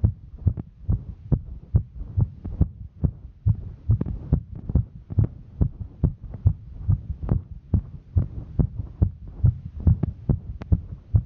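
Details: Female's heartbeat recorded while hiking: quick, regular beat at about 140 beats a minute from physical exertion; fast heartbeat during exertion.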